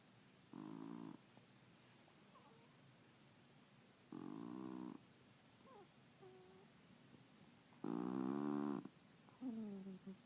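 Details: Soft, buzzing snores every three to four seconds in a quiet room, with faint squeaks and chirps between them; snoring.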